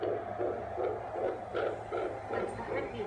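Rapid, regular whooshing pulses at about 155 beats a minute, a fetal heartbeat picked up on ultrasound scan, with a low room hum.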